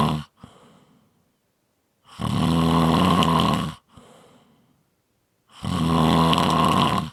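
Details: Loud, rattling, low buzzing breaths of about 1.5 seconds each, separated by quiet out-breaths, about 18 cycles a minute; snoring.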